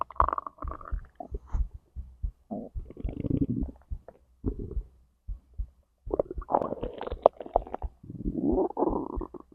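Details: Digestion recording from stomach to intestines, heartbeat also captured: gurgling, bubbling and rumbling in irregular runs as gas and fluid move; normal bowel sounds (borborygmi).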